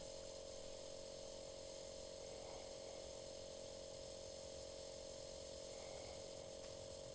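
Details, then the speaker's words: Philips InnoSpire Elegance nebulizer compressor with SideStream nebulizer running during home aerosol treatment: quiet, steady motor hum with faint rhythmic pulsing; mist should be visible from the mouthpiece or mask. "on the unit make sure mist is visibly coming from the mouthpiece or mask"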